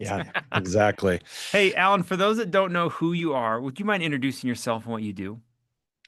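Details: Adult male speaker; normal voice.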